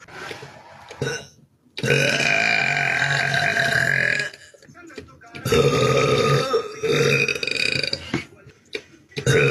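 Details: Loud, long, drawn-out voiced burps from a girl, two belches with brief quiet and small noises between them.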